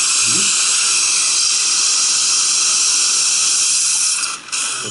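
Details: Continuous high-pitched drill whine with hissing irrigation spray, briefly dipping near the end, from a surgical drill cutting an autogenous jaw bone core for ridge augmentation.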